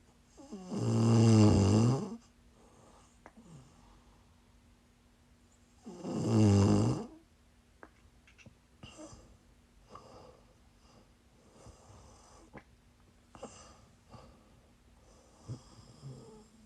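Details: Live-streamed sleep recording of a sleeper who is sick: two loud, rough snores about five seconds apart, then quieter irregular breathing noises with a steady room hum; snoring.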